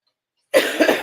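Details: Adult with a cold since Friday, now sore throat and voice loss: one short, harsh cough burst after half a second of silence, with a small second push at its end. Cough.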